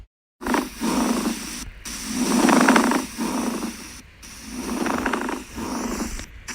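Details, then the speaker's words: Pediatric chest auscultation example; coarse, grating, creaking sounds with each breath, like two leather surfaces rubbing, heard in early inflammatory pleural processes; pleural friction rub. "Atrito pleural pode ser auscultado na fase inicial dos processos inflamatórios pleurais e se assemelha ao ruído produzido pelo atrito de duas superfícies de couro."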